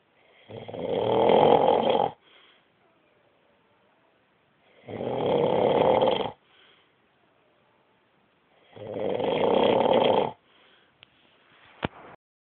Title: My hubby snoring!!!!!